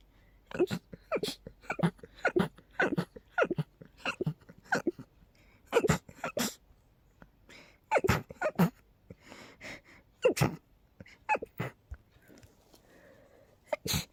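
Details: Long run of rapid, forceful, sharp sneezes in close succession with brief pauses, in a person with a cold during high pollen and dust exposure; repeated sneezing.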